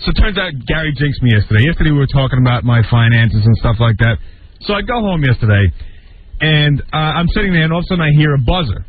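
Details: Adult man speaking; no speech disorder.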